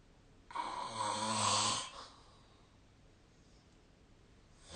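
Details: Snoring during sleep recorded with a snore-tracking app: one loud, rough inhaled snore lasting about a second and a half, then quiet breathing.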